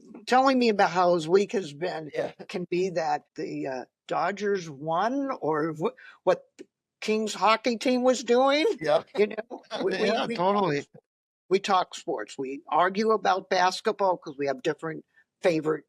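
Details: Adult speaker in conversation; normal speech.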